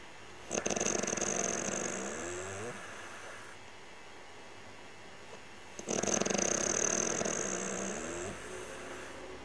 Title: 2000 Laguna-Ray Snoring